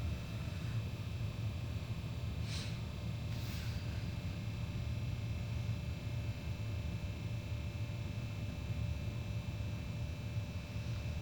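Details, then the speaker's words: Vintage GOMCO vacuum aspirator (surgical suction) pump under repair, running at full vacuum with muffler and longer tube: steady low motor rumble and faint hum as it draws water in quickly, calmer than before the muffler. "Okay, that did calm it quite a bit. When it was set to full vacuum, it was kind of nuts. Like it was pulling the water in like a shotgun."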